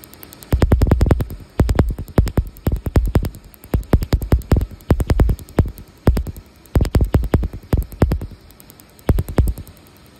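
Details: Laser tattoo removal device firing during treatment of a chest tattoo: rapid trains of sharp snapping pulses in bursts with short pauses while the patient reports feeling it.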